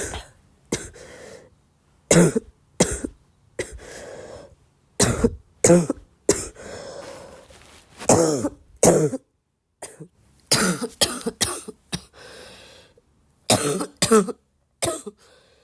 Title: still sick and coughing a lot 2